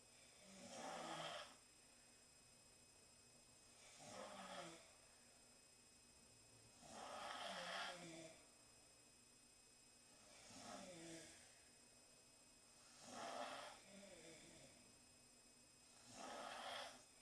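Regular rasping snores on each breath, about 19 a minute, with a steady faint hum in the room; ordinary snoring.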